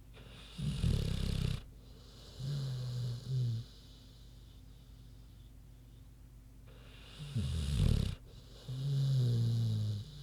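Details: Deep rumbling snores with quieter grunting exhales between them, two breath cycles, from a big pig sleeping and snoring normally.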